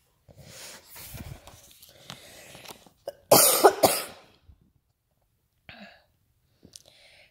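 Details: Adult at home sick with the flu, taking Theraflu, reading aloud: quiet speech followed by a burst of two or three harsh coughs, then throat clearing; coughing during illness.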